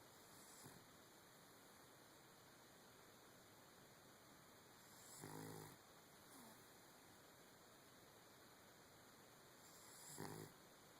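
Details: Sleeping dog, paws crossed in bed, snoring: soft, low snorting snores every few seconds over steady room hiss.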